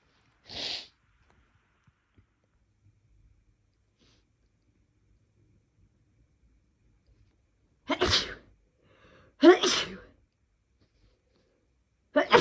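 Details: Self-induced sneezes after a day of more frequent sneezing than usual with no apparent reason: four loud, sharp sneezes separated by quiet pauses; ordinary sneezing.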